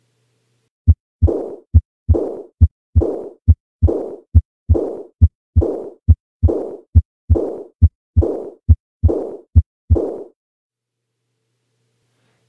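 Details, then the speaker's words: Aortic regurgitation: regular heartbeat near 69/min with a soft, blowing, decrescendo diastolic murmur fading away after the second heart sound. "hopefully the timing for this murmur sounds different than the previous two examples that's because this is a diastolic murmur its shape decrescendo and what about its quality I think many people would agree that it sounds blowing in nature"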